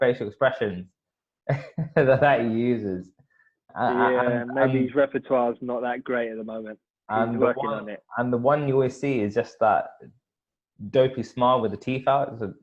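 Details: Adult man, conversational speech; stuttering.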